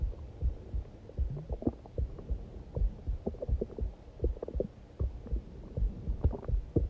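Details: Heartbeat recording from a hungry person: soft low thumps near 78 a minute mixed with irregular gurgling and rumbling bursts, stomach growling over a heartbeat.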